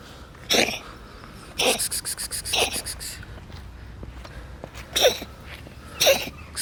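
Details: Five sharp, harsh, hissing expulsive bursts from a black cat, one as a quick series of short hacks, over background hum; cat cough.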